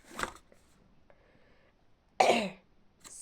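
Two separate cough bursts from an adult, the second strong and harsh, in a quiet small room.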